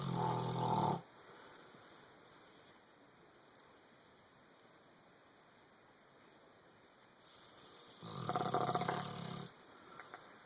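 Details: Ron snoring while asleep and dreaming: two rough, rattling snore bursts, at the start and near the end, separated by a long quiet stretch; snoring.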